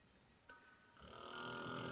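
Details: Snoring from a sleeping man who kept others awake all night with loud snoring: snoring.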